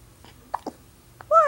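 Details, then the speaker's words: Baby with hiccups: a few brief, abrupt hiccup sounds, ending in a short whine. "Baby. You got the hiccups. It's totally gonna kill your happy mood, huh?"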